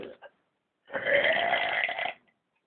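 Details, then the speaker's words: Boy gives a single long, loud, voiced deliberate belch lasting over a second after a brief sound, done on a dare; burp. "I'll be showing you uh my burp today and my mom dared me to do this."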